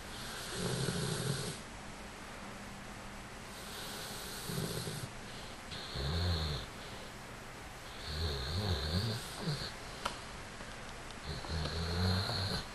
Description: Boston the American Bulldog Snoring